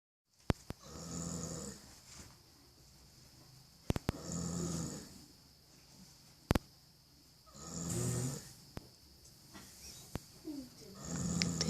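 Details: Foal (baby horse) asleep: soft, low rumbling breaths about 18 per minute with a few sharp clicks between; gentle snoring.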